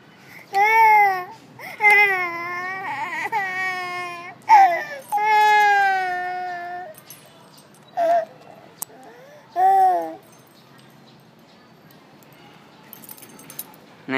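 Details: Several loud, high-pitched wailing cries from a baby, broken by short pauses and brief whimpers, in a small quiet room; infant crying.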